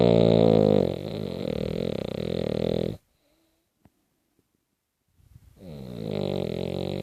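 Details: Extremely loud snoring: vibrating, buzzing snores of about three seconds separated by a two-second silent pause, with a rough, fluttering tone.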